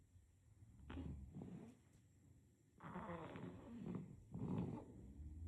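Soft, throaty snoring with each breath and some snorting, over quiet room noise. Infant snoring during sleep.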